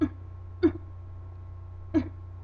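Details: Adult with mild, newly diagnosed Tourette syndrome producing a deeper variant of a vocal tic, sometimes with a head turn; vocal tic.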